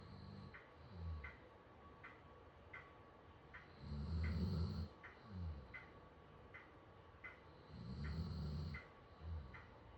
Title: SOUND UP! He’s snoring on Lambchop 🥰